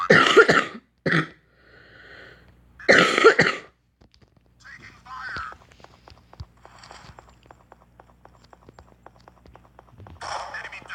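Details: Person coughing, apologising for the cough: three loud, harsh coughs in quick succession, then quieter breathing and clicking sounds in a room.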